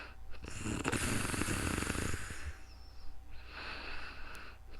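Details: Real-time snoring during calm sleep, recorded close to a new microphone: a loud, rough, fluttering breathing noise, then quieter rattly breaths.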